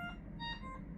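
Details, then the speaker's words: Bedside hospital machine alarm, short electronic tones repeatedly going off in a quiet room, beside an adult woman after pancreatic cancer surgery removing the pancreatic body and tail. "And you guys, I'm here today to give you a little bit of a health update. That is my lovely machine going off."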